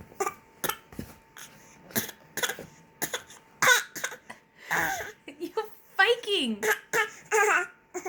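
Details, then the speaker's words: An infant makes short, deliberate fake cough-like bursts mixed with babbling and voiced squeals in a quiet room: voluntary, fake coughing. "Are you like fake coughing?"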